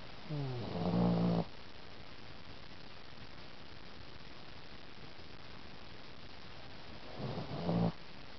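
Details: Sleeper recorded at night in the dark without lights to avoid waking her: two low, rattling snores about six seconds apart, with quiet room noise between; snoring.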